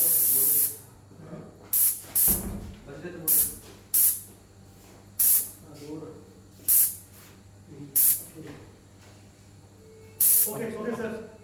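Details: Medical oxygen pipeline in a CT scan room, valve closed to drop pressure below 3.5 for a low-pressure alarm test, which triggered: repeated short hissing gas-release bursts with murmured talk.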